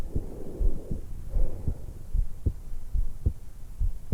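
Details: 20-year-old female just after waking, lying supine in bed, stethoscope microphone at the suprasternal notch: steady low heartbeat about 76/min with soft breathing underneath; normal heart sounds with breath sounds.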